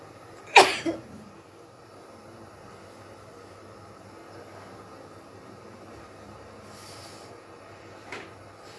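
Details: One loud, sharp sneeze with a short follow-up burst, then quiet room noise and a faint sniff; sneeze during a sneezing challenge.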